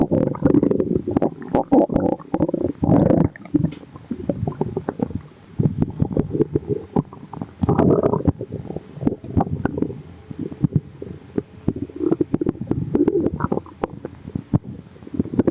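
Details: Continuous bubbly, gurgling abdominal rumbles with frequent pops; ordinary stomach growling (borborygmi).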